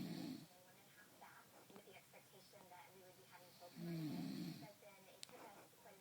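Two loud, low, rattling snores a few seconds apart, with quiet talk in the room between them.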